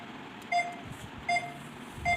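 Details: Short electronic beeps about every 0.8 seconds, roughly 75 a minute, from a 12.1-inch five-parameter multipara patient monitor running demo mode with 3-lead ECG, SpO2 and respiration waveforms, with room noise.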